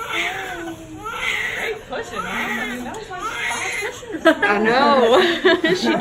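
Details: Repeated short, high-pitched cries from a newborn girl right after hospital birth, following about 24 hours of labor, over room voices; normal newborn cry.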